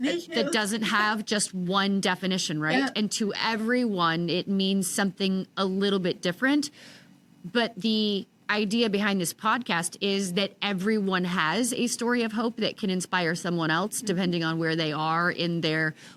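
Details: Adult woman speaking; Typical speech.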